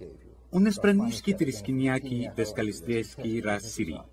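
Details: Adult male voice imitating gibberish; fluent aphasia (imitated).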